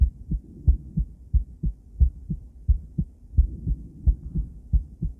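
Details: Female heart on ultrasound with Doppler sound: steady, regular whooshing heartbeat at about 90 beats a minute; normal heartbeat.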